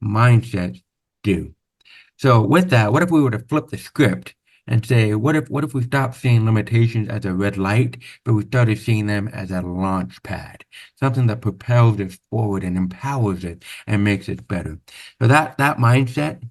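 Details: Adult man born with very severe to profound (about 90%) hearing loss, congenital onset, with over 13 years of speech therapy; real, not acted; deaf speech.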